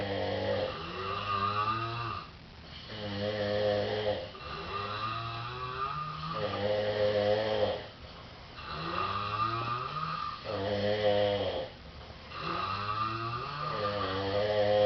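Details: Two friends, at least one male, sleeping in an apartment living room with different snores and breathing patterns, alternating very loud rattling snores, roughly 17 a minute; ordinary heavy snoring.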